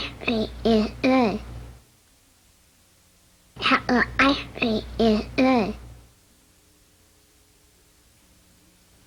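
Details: Child; pharyngeal affricates (cleft palate speech).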